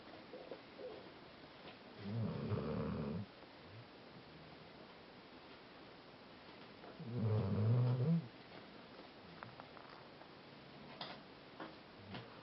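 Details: Snoring: two low, rumbling snores about five seconds apart, roughly 12 breaths a minute, over quiet room noise.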